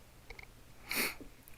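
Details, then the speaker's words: A few faint clicks lead into one sharp, hissing burst of air lasting about a third of a second in a quiet room: a single sneeze from an adult during a live trading chat, caught on a very sensitive microphone. "had a couple sneezes there so from there oh you could hear the sneeze too well this is a very sensitive microphone"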